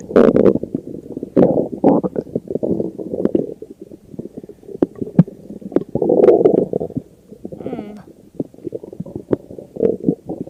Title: I see the stomach growling stuff